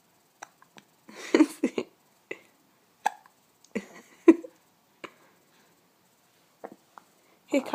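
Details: Baby boy nearly 4 months old, a frequent hiccuper even in the womb: short, abrupt gulping catches at uneven intervals, about twenty a minute, with some voiced bursts mixed in; hiccups.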